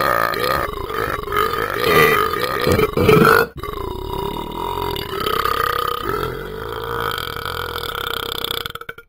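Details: Burping from a dog named Ben after eating and drinking: a long, rumbling, voiced belch that rises, breaks off and resumes as a low drawn-out burp.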